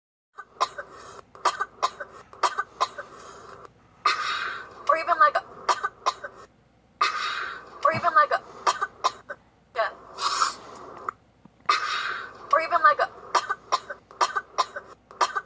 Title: coughing